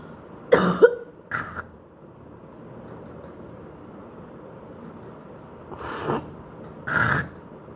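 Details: Woman just woken with a hoarse voice producing phlegm: four heavy, harsh, loose wet coughs in two clusters with spitting, over quiet room hum; productive cough, less than the day before.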